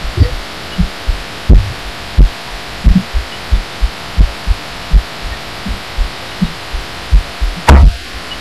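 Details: Own heartbeat recorded through a pillow while lying down: muffled, low thumps about 88 a minute with a rustle near the end, and audio amplified. The person notes it gets odd toward the end and wonders about arrhythmia.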